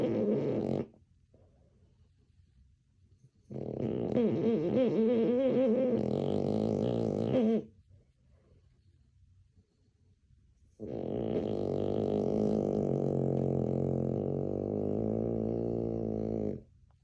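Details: A sleeping French Bulldog dream snoring: long, loud, wavering groaning breaths with vibrating, whimper-like pitch changes, snoring mixed with vocalizing during sleep.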